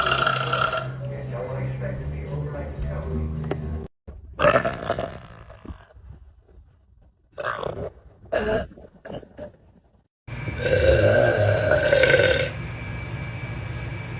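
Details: Burping compilation from girls on TikTok: several loud, drawn-out burps from different people, with laughter, talk and music between them.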